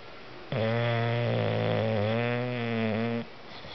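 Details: Dozer snoring while napping: a single long, loud, buzzing snore lasting almost three seconds, steady in pitch with a low rattle.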